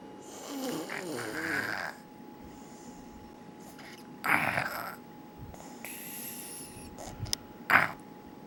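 Irregular snorting, fluttering breath noises with pauses in a quiet room: snoring.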